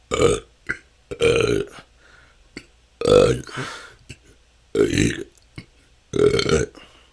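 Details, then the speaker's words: Person with excessive belching they say has lasted a couple of years and can go on for hours, feeling they have stored up gas: five loud, voiced belches in about seven seconds, some followed by brief trailing gas sounds. "that's 10 minutes this can go on for hours this has been my struggle for the last couple of years it seems like somehow didn't let out enough gas and have stored up so much that it just I have hours and hours of gas to"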